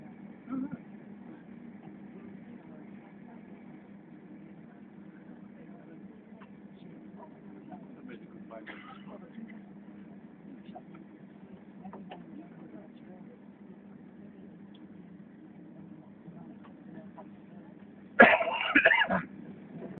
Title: Snow Train Cough